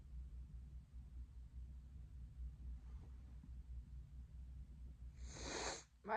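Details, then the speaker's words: One sharp, hissing sneeze over low room rumble, then person saying their nose is irritating. "My nose is irritating me. Mm-mm."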